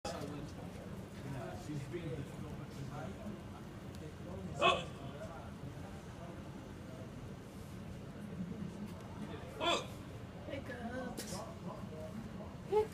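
Three short, sharp vocal hics about five seconds apart over steady outdoor background noise, consistent with hiccups.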